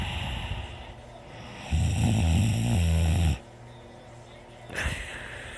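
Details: Someone sleeping and snoring: a single loud, low, rattling snore lasting about a second and a half, then quiet breathing with faint room noise.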